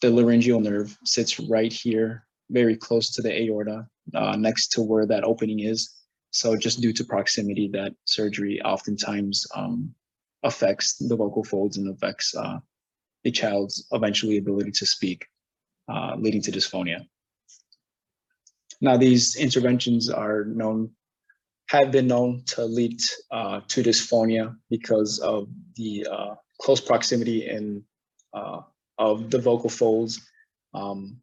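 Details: Adult male presenter; normal speech.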